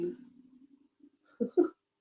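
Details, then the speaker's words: Stomach rumbling heard during a spoken session, the speaker remarking it was their stomach; borborygmi. "don't know if you could hear that, that was my stomach rumbling."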